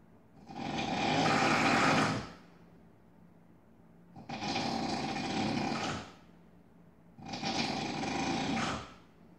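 Three long, loud, harsh rattling snores, each about two seconds, with quiet pauses between.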